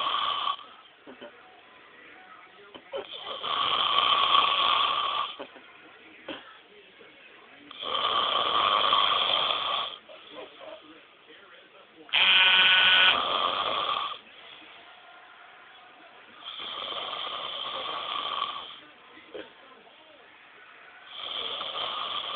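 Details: Loud, rasping snores on each in-breath, about 14 a minute, with quieter breathing between; regular snoring.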